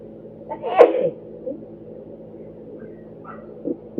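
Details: Induced sneezing: one brief, sharp sneeze-like burst over a steady low hum, followed by a few faint snorts.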